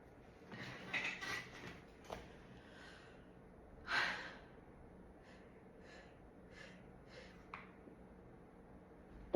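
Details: Woman trying to hold back a sneeze: sharp, breathy catches and a muffled burst of air as the sneeze is partly stifled.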